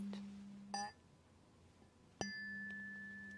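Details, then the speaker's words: Two taps of a tuning fork, each followed by a clear sustained ringing tone, moved around the ears of an eyes-closed adult during a role-played ASMR clinical hearing test. "So, you're going to hear this sound. And I want you to focus on the sound as I move it around different sides of your ears. I'd like you to indicate when you hear it and where."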